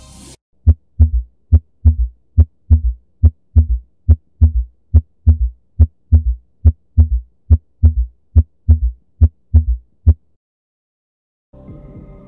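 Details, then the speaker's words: Patient with congestive heart failure; real heart sounds, regular near 70 a minute, each beat followed by a soft low extra sound just after the second: third heart sound (S3 gallop). "Gomme karabo ye e nepagetšego ke modumo wa pelo wa S 3."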